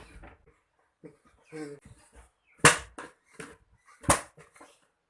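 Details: Deaf person drinking tea: two sharp explosive coughs amid quieter vocal sounds and small noises in a small room.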